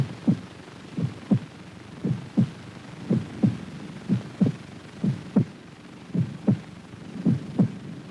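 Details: Regular paired lub-dub normal heart sounds at about 57 per minute over faint hiss, recorded alongside an optical light-spot motion recording of the heartbeat to time valve action; 1953 television research film.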